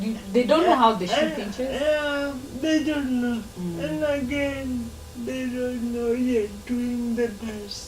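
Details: Dysarthria in a 27-year-old woman with lifelong cerebral palsy who moves around independently, in a real TV interview.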